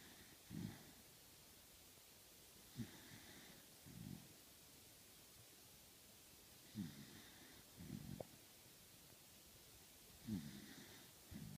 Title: Beagle snores lightly, and the world spins madly on